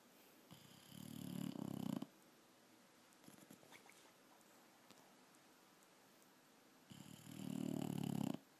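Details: A sleeping dog snoring: two loud, rattling snores about six seconds apart with quiet breathing between them.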